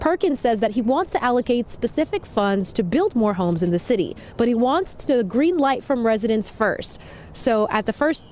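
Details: Adult woman, news reporter; ordinary speech.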